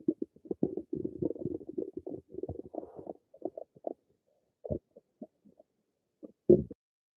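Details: Bowel sounds (borborygmi).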